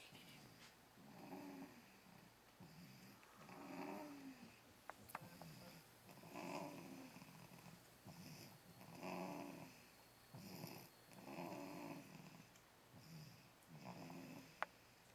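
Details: Sleeper went from screaming to snoring within seconds; soft, rhythmic snoring at about 23 breaths a minute, each breath a low rattling rumble, in a quiet room.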